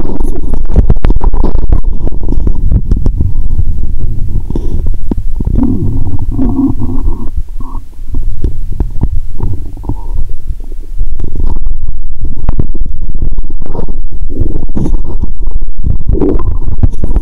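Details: Upper abdomen heard through a stethoscope after drinking cola with Mentos, belly painful: loud continuous low gurgling and rumbling with bubbling bursts, bowel sounds (borborygmi) from gas and fluid moving.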